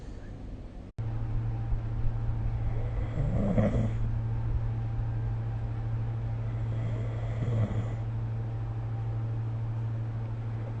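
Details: Snoring recorded during sleep with the SnoreLab app: two slow, rough, rattling breath noises over a steady low hum.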